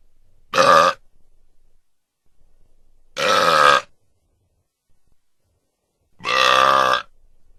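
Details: Three loud, drawn-out belches, each under a second, separated by silence; sound-effect burps.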